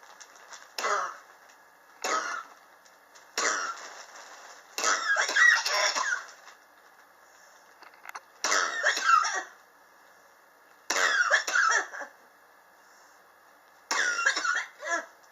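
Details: Chronic cough since summer 2016, still present in 2019, not relieved by medicine or home remedies; patient blames building temperature swings in a high-rise. About eight harsh cough bouts over fifteen seconds, some in rapid clusters.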